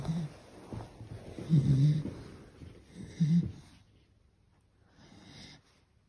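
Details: Sleeping beagle snoring: low, irregular rumbling snorts while the small dog sleeps, fading toward the end.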